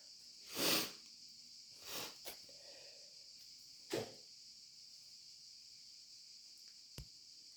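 A few forceful, wet-sounding sneezes with sniffing between them, over a steady background hiss.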